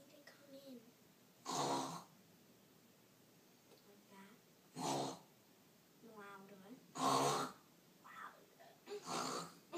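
Four loud, rough snoring breaths roughly every two to three seconds, with fainter whistling sounds between them.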